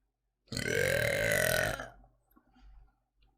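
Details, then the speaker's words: Female Twitch streamer, Spanish-speaking, belching after drinking water: one long, loud, voiced belch of about 1.25 seconds, then quiet room noise and faint movement. "eso ahora se viene el elector el eructo del agua vale espera es que está subiendo allá"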